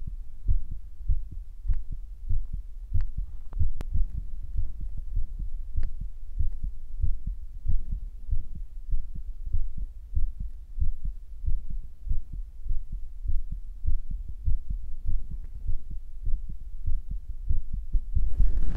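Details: Person's own heartbeat recorded for ASMR, which they felt was beating fast; steady low thumping at roughly 95 beats a minute; normal heartbeat.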